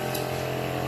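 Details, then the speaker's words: Steady mechanical hum with a constant low drone from the suction unit of a neonatal portable transport incubator with mechanical ventilator, running before a tube is attached for suctioning the baby. "في برضه موجود في الجهاز سكشن، هاي هذا جهاز سكشن"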